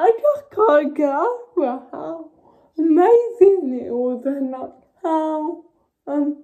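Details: Dysarthric speech in a young woman with cerebral palsy.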